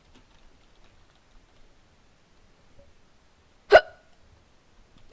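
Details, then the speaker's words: Person whose hiccups began after coughing, while talking and playing a video game: a single sharp, abrupt hiccup in a quiet room. "I have the hiccups and I just coughed and that that didn't go very very well so I might have the hiccup I'm gonna have the hiccups now all right oh gosh hiccups are not good especially during videos"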